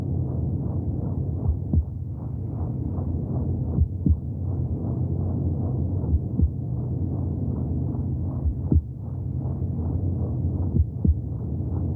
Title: 30 minutes of heartbeat sounds from the womb for welcoming extraterrestrial life